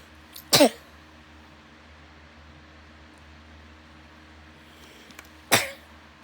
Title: I had a coughing fit and it hurt my throat